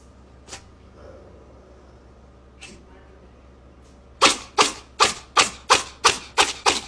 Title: Cat: Intense Sneezes #Shorts (See Description)